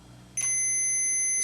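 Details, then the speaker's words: 90X2 automatic blood pressure monitor completion signal after the cuff deflates gradually: a steady high-pitched electronic tone sounds abruptly and holds; the reading was 117 mmHg systolic. "et on va avoir une signalisation qui indique lorsque"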